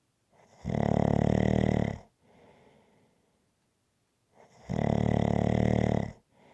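Loud, rough, low rattling snores on breathing in, with quieter breaths out between them, about 15 cycles a minute: snoring.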